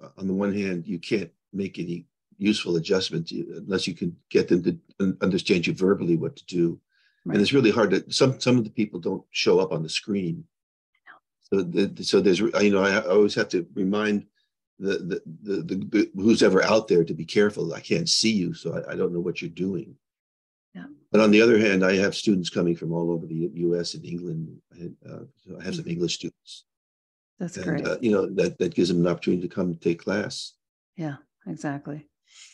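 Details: Adult man with progressing Parkinson's disease who reports stuttering a little, losing his words and impaired balance; finding: disfluent speech in Parkinson's disease with word repetitions.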